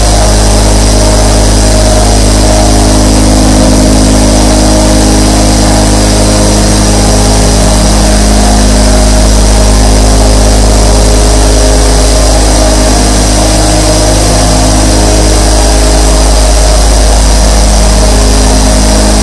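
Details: Twenty-four nebulizers running together: steady mechanical hum of compressors; nebulizer compressor sound.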